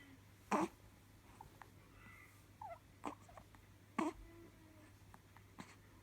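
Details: A two-day-old newborn with hiccups: four short, abrupt squeaky catches a few seconds apart in a quiet room.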